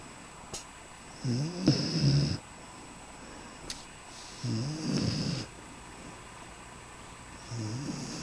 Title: Belti is snoring